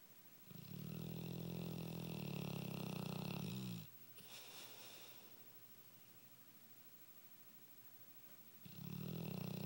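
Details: Female Dogue de Bordeaux snoring: loud, low, rattling snores on two breaths about five seconds apart, with a quiet exhale between.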